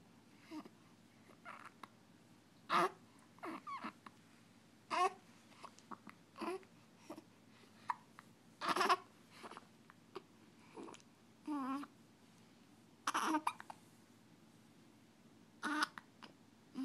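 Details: Infant hiccups: about a dozen brief, sharp hiccups at irregular intervals over 17 seconds, with soft baby babbling between them in a quiet room.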